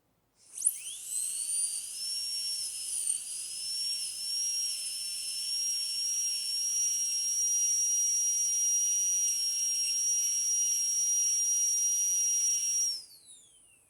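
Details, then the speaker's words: Dental drill in a metal-ceramic crown preparation demonstration on tooth 46, cutting the functional cusp bevel at 45 degrees along the earlier depth cuts: a piercing high-pitched whine rises, holds about twelve seconds, then winds down. "Now I am going to give the functional cusp bevel reduction, angulating it at 45-degree angle and following the depth cuts that we have made earlier."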